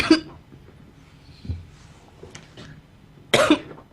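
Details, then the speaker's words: Two sharp, brief coughs about three seconds apart from an ill adult with a croaky, frog-like voice, with faint room sounds between them. "i'm sorry that you all have to hear my coughing it's really gross i sound like a frog i'm sorry that i sound like a frog"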